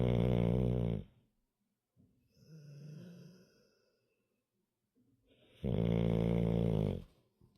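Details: Sleeping dog with deep, loud, buzzing snores on each breath in and a quiet whistling breath out, a chainsaw-like sound: snoring.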